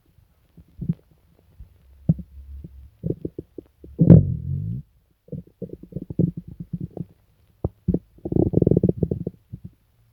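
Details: Stomach rumbling (borborygmi) in a person sick for several days with stomach pain, diarrhea and nausea: deep, gurgling low rumbles and growls in irregular bursts with quiet gaps.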